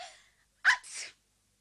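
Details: Simulated cartoon sneeze from the animated character Anne (Anne of Green Gables), who wonders if she has a cold: a quick catch of breath, then a sharp explosive burst with a trailing hiss.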